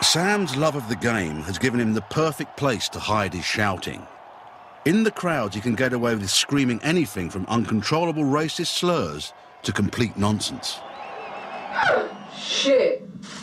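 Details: Adult male narrator; normal fluent speech.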